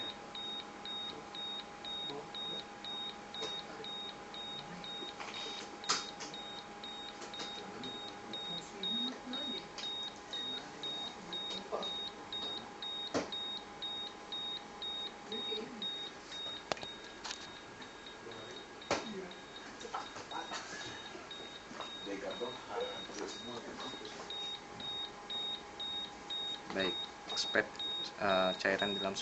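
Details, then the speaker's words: Terumo syringe pump in a fast-set simulation during internal calibration: rapid, steady high-pitched beeping of the nearly-empty alarm as the syringe runs out. "Menunjukkan ketika sped pada posisi akan habis maka nerly empati akan berbunyi seperti itu nih sebuah"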